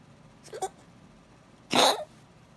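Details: A small dog coughs at night, a faint double hack then one louder, harsh, raspy cough in a quiet room, and nothing tried has stopped it; dog cough.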